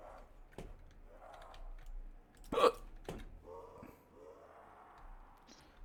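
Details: Person hiccuping while playing a video game with a friend, amid loud game noises and talk: hiccups.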